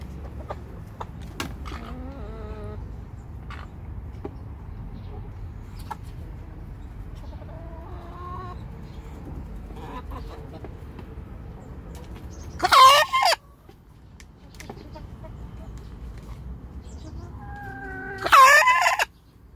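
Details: Cough in a hen about 14 months old, coughing for some time: soft clucking broken by two loud, harsh, squawking coughs about five seconds apart.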